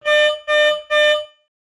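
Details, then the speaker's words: Mindray ePM 10A/12MA patient monitor in a training overview: three loud, evenly spaced electronic alarm tones, whose tone and pattern vary with alarm priority (high, medium, low) while the alarm lamp flashes; patient monitor alarm. "For high, medium, and low alarms, the alarm lamp at the top of the screen flashes and an audible alarm sound is produced."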